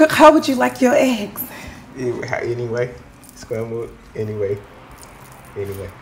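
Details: Acted stuttering: an actress portrays a stuttering waitress in a comedy film scene.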